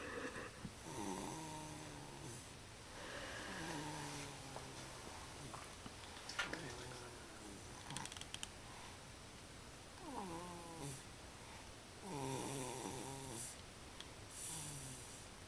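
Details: Infant aged 3 months 1 week with a cold, asleep in a bouncy seat, snoring with regular, slightly whistling, pitched noises on each breath, about 30 breaths a minute.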